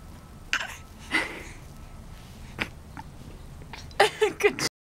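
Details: A 4-month-old infant girl gives several short, light, deliberate coughs on cue; a self-taught fake cough, not illness, imitated after a family member's cold.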